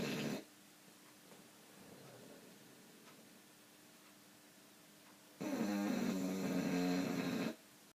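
A loud, buzzing snore lasting about two seconds, following quieter rough breathing.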